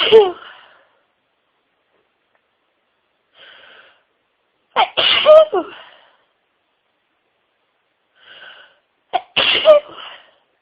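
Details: Adult in a huge sneezing fit of over 60 sneezes, with build-ups, stifles and a wet nose. Breathy build-ups before two sharp sneezes, with quiet catches in between.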